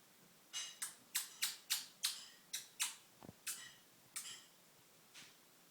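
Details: Budgerigar coughing: about ten sharp, high, clicking coughs in quick succession, then a few spaced ones.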